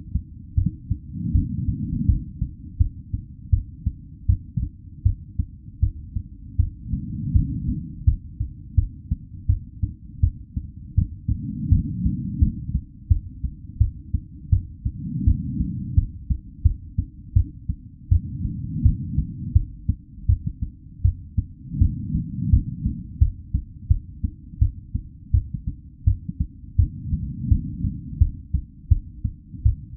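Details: Real recorded normal-rate heartbeat pulse, looped as a sound effect: steady, low heartbeat thumps at about 85 beats a minute, a normal resting rate.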